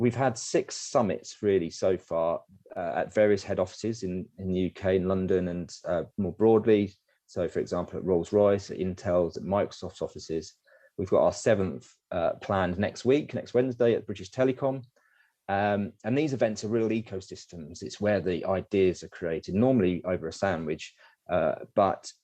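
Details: Adult male speaker; normal speech.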